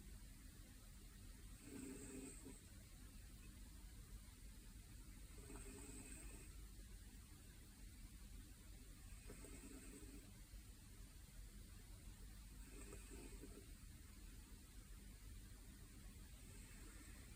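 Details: A cat sleeping at dawn, loud for his size, produces soft, regular snoring breaths about 16 a minute under steady room hiss; it is unclear whether this is snoring or sleep breathing.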